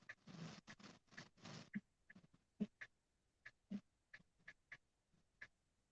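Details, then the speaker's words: Quiet, irregular snuffling snorts from a sleeping dog, some longer and noisier, others brief nasal puffs: dog snoring heard over conversation. "can you hear the dog snoring no"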